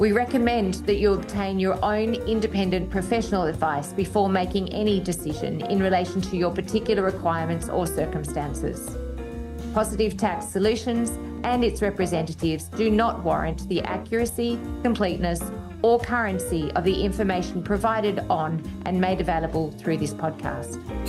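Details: Adult speaker reading aloud; Normal voice.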